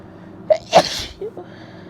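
Quick inward catch, then one forceful wet, hissing sneeze, followed by a short sniff; a single congested sneeze.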